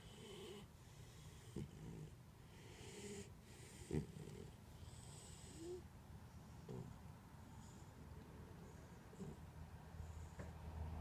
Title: Snoring in the sun